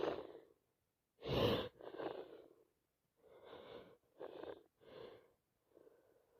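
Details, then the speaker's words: Adult with a cold or allergies, unsure which, sneezing and blowing the nose for about an hour with a constantly full nose: several forceful, wet sneezes with sharp intakes of breath in a row; repeated sneezing. "My nose is just full constantly. Just need to sit next to someone that doesn't mind me sneezing and sneezing, sneezing."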